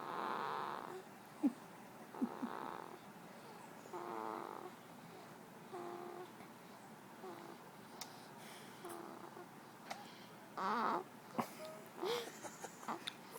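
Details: Two-week-old baby boy snoring in sleep: soft, rhythmic rattling snores with each breath, about six heard, with small mouth and bedding noises.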